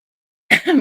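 Silence, then one abrupt explosive burst with a brief voiced tail, typical of a single sneeze.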